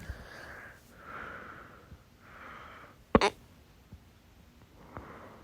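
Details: Loud hiccup episode: quiet breathing, then one sudden, sharp, loud hiccup, followed by softer breaths and faint catches.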